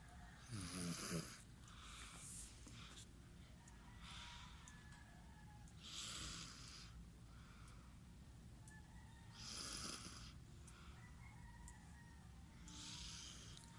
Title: snoring baby @ 20months